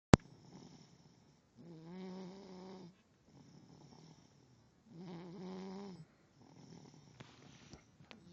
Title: Loud snoring ..